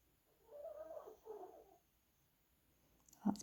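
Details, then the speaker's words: Snoring from an old female dog in the background. "my dog snoring in the background. If you can hear her, she's an old girl."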